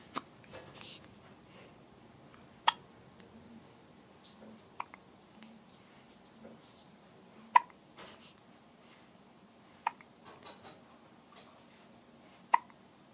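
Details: Young boy, a frequent hiccuper even before birth, with hiccups: a handful of sharp, brief catches about every two to three seconds in a quiet room with a faint background murmur.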